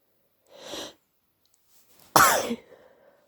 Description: I woke up at 3am with a stupidly blocked nose and it was givibg me headache so I induced some sneezes to ease the pressure